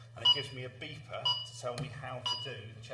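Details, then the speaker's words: Automated external defibrillator (training demonstration) after pad application and analysis: repeating high electronic alarm tone over a low hum, continuing until the shock button is pressed. "and then it tells you to press the button and it will keep making that noise shark delivered to start CPR"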